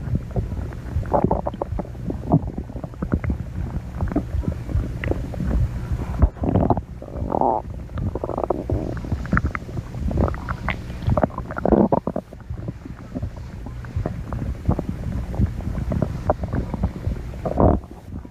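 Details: Continuous low rumbling and gurgling with irregular bubbly surges; stomach growling (borborygmi).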